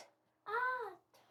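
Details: Childhood apraxia of speech in a boy in therapy; attempting 'out', he produces 'a' instead of the diphthong, a vowel/diphthong error.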